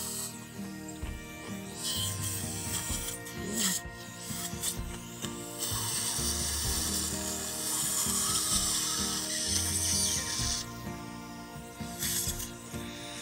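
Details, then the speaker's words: Repeated dry ratcheting clicks with scraping over equipment noise: hand torquing a dental implant to depth in the maxillary molar site with internal sinus lift, 46-year-old male, excellent primary stability. "I hand torque the implant to the depth that I want and then place a cover screw."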